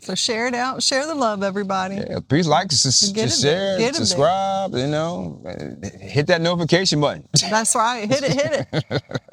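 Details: Adult speakers in conversation; normal speech.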